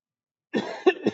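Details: Adult chemistry teacher with a hoarse voice, mid-lecture, gives a short run of about three quick, dry coughs in close succession after a moment of silence; cough.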